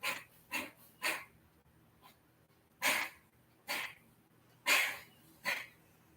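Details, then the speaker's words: A cat gives a run of short, dry, hacking coughs, about seven bursts in six seconds. She has been to the vet, is on medicine and is improving; her coughing was worse before. "that's fen's little cough that's what um that's actually just that's only the second one I've heard her do since I've been home"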